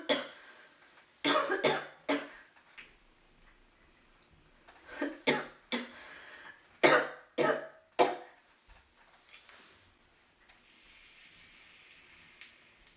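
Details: Young woman coughing while vaping: repeated bursts of harsh coughing in short clusters, about ten coughs, with quiet gaps; irritant cough after inhaling vapour.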